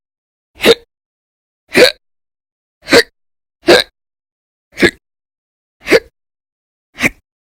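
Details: Persistent violent, very loud hiccups (singultus) in episodes lasting about 10–13 hours a day through December 2019, audio only: seven sharp, abrupt hiccups at regular intervals of about one per second.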